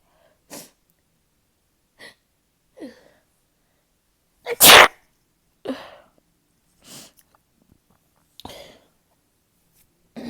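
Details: A series of short sneezes and nasal snorts with one very loud explosive sneeze in a quiet room, from a person with a stubborn stuffy nose.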